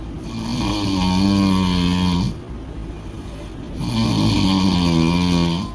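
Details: Loud, rumbling snores on each in-breath with quieter out-breaths between, heavy snoring in a sleeping person after a party.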